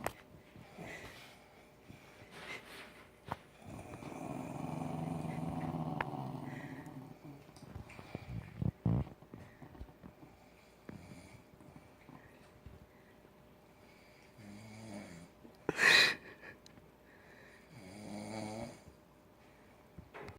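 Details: Newfoundland dog snoring: a few long, low rattling snores separated by quiet breathing, with faint background music.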